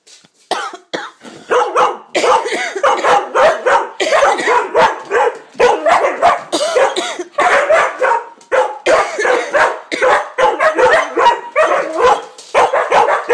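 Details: An adult gives repeated deliberate, voluntary coughs while a pet dog that objects to coughing answers with excited barks and yips.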